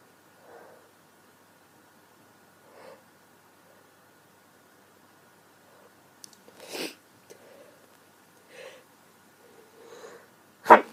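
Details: Female with a bad cold and strong sneezing fits: soft sniffs and small breaths build up to a sharp sneeze at the end, with a quieter sneeze-like burst midway; sneezing.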